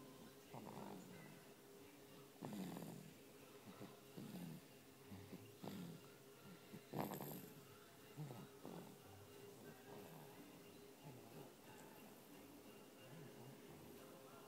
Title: Big snores